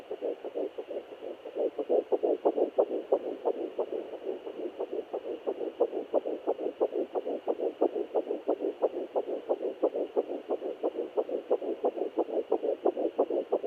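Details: Fetal Doppler at 9 weeks 5 days of pregnancy: rapid, regular whooshing pulses at about 175 a minute, a normal early fetal heartbeat.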